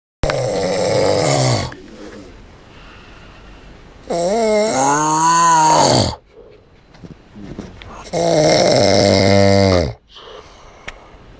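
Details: Snoring from an overweight boy: very loud, harsh, vibrating snores on breathing in, about three in eleven seconds, with quieter breathing out between them.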